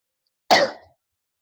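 A single short, rough cough burst that fades quickly in a quiet room; an acted, deliberate cough.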